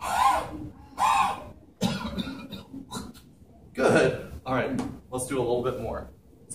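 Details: Productive cough during postural drainage with chest percussion and vibration: several loose, wet coughs and throat clearing amid quiet talk, bringing up loosened secretions.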